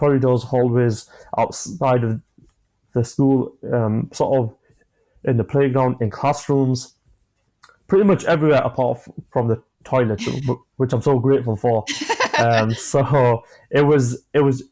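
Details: 25-year-old man with a stammer since early childhood, onset after an asthma attack, describing blocks managed with breathing methods and pauses; stammering.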